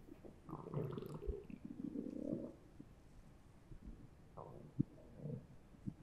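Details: Bowel sounds recorded with a Zoom H1n recorder held against the stomach after eating three slices of pizza: low gurgling and churning rumbles with a few sharper pops.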